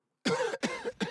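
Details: Three short, harsh coughs in quick succession from an adult lying in bed with a cold.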